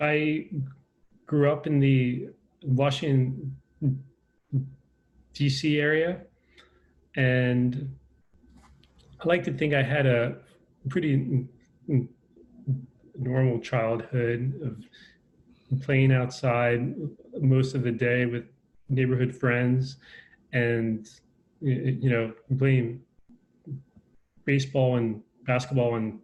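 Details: Adult man with a lifelong stutter, a person who stutters, who says he is less fluent when talking over Zoom, speaking in a real conversation: stuttering.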